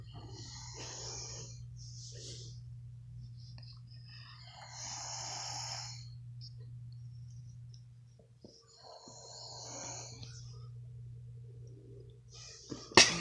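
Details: Sleeping person snoring: three breathy, rasping snores over a steady low room hum, with a sharp noise at the end; snoring.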